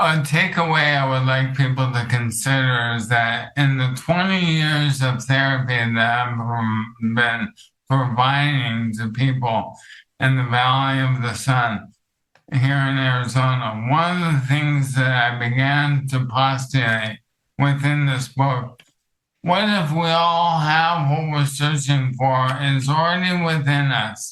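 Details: Adult male with ALS affecting his vocal cords, which makes talking for long periods difficult and has reduced his speech clarity; finding: dysarthria (ALS).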